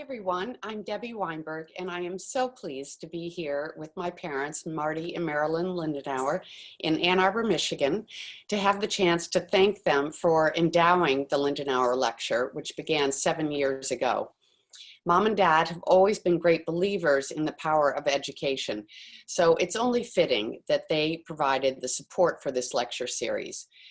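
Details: Adult woman; typical speech.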